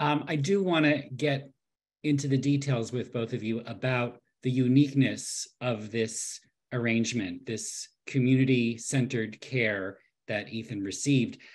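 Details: Adult male speaker; normal voice.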